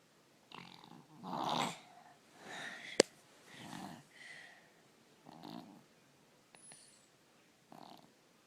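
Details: Snoring in a 3-year-old with strep throat, usually a snorer but worse now, ENT visit considered: short, harsh, rattly noisy breaths in uneven bursts, with a sharp click partway through.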